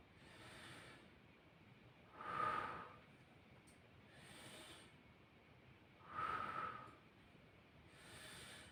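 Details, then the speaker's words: Stethoscope auscultation of an adult male's posterior thorax during a nursing-student demonstration, patient breathing through the mouth: slow, even breaths, about 15 a minute, soft airflow without wheeze or crackles; normal breath sounds. "i'm now going to proceed to the auscultation of your posterior thorax okay so this is done to assess the airflow from your air passageways"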